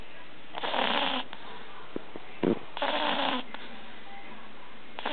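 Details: Pug puppy snoring loudly: two loud, harsh snores about two seconds apart with a short snort between them; snoring.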